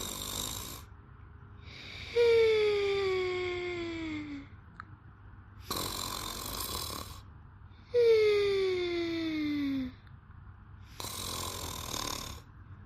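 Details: Maria sleeping: alternating breaths, a downward-sliding whistle on one phase and a hissing rush on the other, about 10 cycles a minute; snoring.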